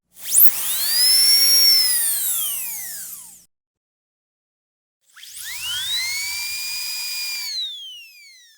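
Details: A dental drill in a dentist video set around a complicated root canal: two long, high-pitched whining bursts that rise then fall in pitch, separated by silence.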